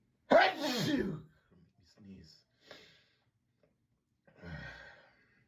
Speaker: That's gonna make me sneeze again. I'm gonna sneeze.